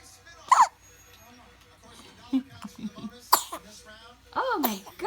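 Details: Dog that often has hiccups gives about three sharp, abrupt hiccups over five seconds, with faint talk in the background.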